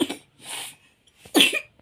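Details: Cough in a baby who cannot sleep at night because of the cough; adult voice coaxing the baby to sleep, with background music.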